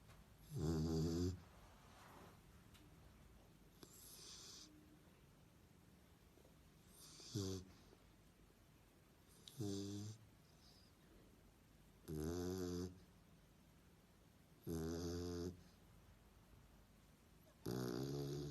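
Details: A sleeping dog snoring: loud rattling snores, each under a second, about one every 2.5 seconds, with quiet breathing between.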